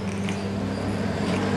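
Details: Child with laryngomalacia, a congenital larynx abnormality: steady high-pitched crowing noise on breathing in, purely inspiratory stridor.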